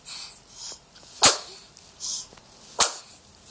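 Two abrupt, sharp bursts about one and a half seconds apart, with soft breathing between, consistent with hiccups.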